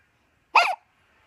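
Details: Hiccups: a single short, sharp squeaky catch in the breath with silence around it, fitting one hiccup.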